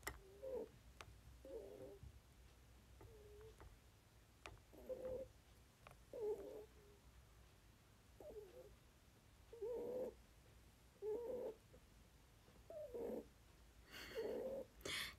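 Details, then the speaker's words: Pet dog Popo asleep during a livestream, snoring: soft, repeated nasal snorts and snores at a fairly steady pace, a harmless sleep sound. "そうグーグー言ってる。ポポちゃん結婚しますか、ポポちゃんあっちでもいびき、犬です。いびき配信だ"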